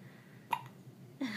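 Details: A baby's first hiccups, recorded 6/24/14: a sharp, brief hiccup, then a second catch with a small voiced sound; ordinary infant hiccups.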